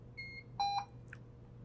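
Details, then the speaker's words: A few short electronic beeps and tones as a Puritan Bennett 560 ventilator powers on into its setup menu while the alarm control button is held; ventilator start-up beeps. "To do that, I need to push the alarm control button while I turn the unit on at the same time. So I'm going to hold this down, turn it on and back, keep that button held down."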